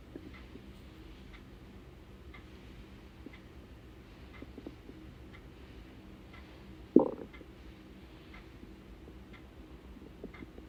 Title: hungry stomach noises before breakfast